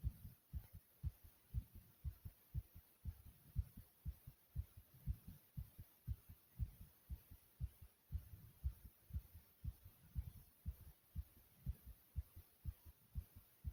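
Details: Person's own heartbeat beating very quickly: fast, regular, deep thumping beats at roughly 120 beats per minute, a rapid heartbeat (tachycardia).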